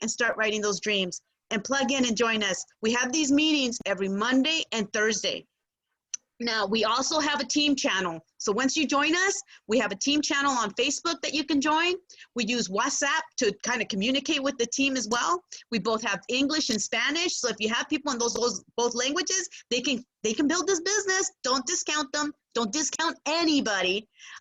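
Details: Adult woman speaking; Typical speech.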